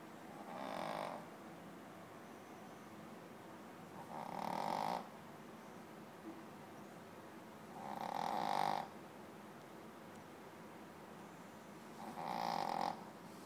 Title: Snoring Dog